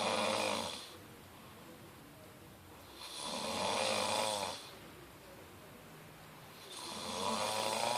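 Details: Man snoring: rhythmic rough snores on each breath in, about 16 a minute, with quiet pauses between.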